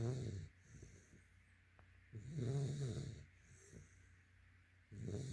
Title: Yellow | White Labrador Snoring.